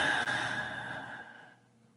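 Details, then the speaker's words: Sleeping dog heard in the background, described as snoring unusually loudly: a single loud, noisy breath fading over about two seconds; snoring. "Hear that damn dog in the background snoring loud as [ __ ] You can see her head look at her snoring like crazy."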